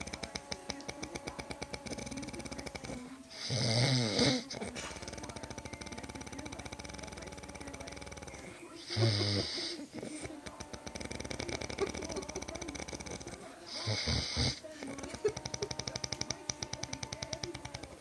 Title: Husband's snoring sound like chainsaw.